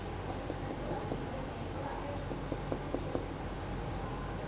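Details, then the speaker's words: Series of light, hollow taps from abdominal percussion of an adult man, starting at the right upper quadrant of 13 points, giving a tympanic note, a normal finding over gas-filled bowel. "Kemudian sekarang kita perkusi. Perkusi di ke-13 titik dulu, mulai dari kuadran kanan atas ya. Ini adalah suara timpani."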